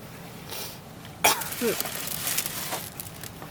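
A harsh cough burst followed by a rougher throaty cough in a quiet room; ongoing coughing.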